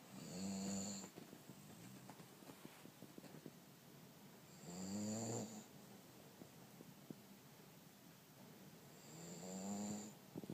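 Three slow, rattling snores on inhalation, about 13 breaths a minute, with quiet breathing between them; snoring.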